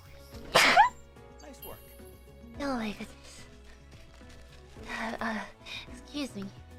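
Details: Female VTuber sneezing on a livestream: one sharp, loud sneeze burst, then softer voice-like sounds and brief noises over low background music.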